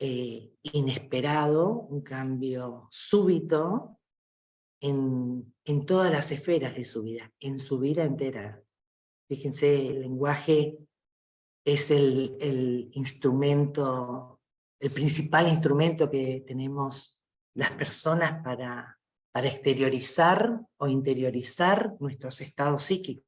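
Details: Adult male speaker; ordinary speech.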